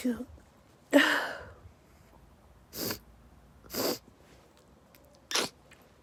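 A run of about four or five sharp, forceful sneezes in quick succession, a sneezing fit set off by pepper.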